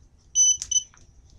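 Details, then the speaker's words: GemStar epidural infusion pump: two short high electronic beeps with a soft click as the cassette is ejected by holding the top black button during a container change, after stopping the infusion. "to eject the cassette you push the black button on the top hold it down and it should pop right out"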